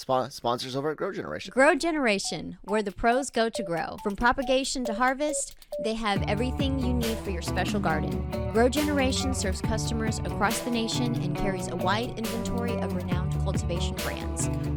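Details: Adult speaker; normal speech.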